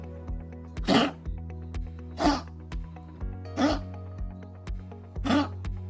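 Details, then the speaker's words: Four harsh, dry coughs from an elderly small dog diagnosed with chronic bronchitis, coughing badly enough at night to lose sleep and struggle to breathe; music playing behind. "아주 간혹 거의 기침을 했었던 아이라 저러다 말겠지 했었거든요. 그런데 계속 밤에 잠을 못 잘 정도로 기침을 하고 호흡하는 걸 힘들어 하더라고요."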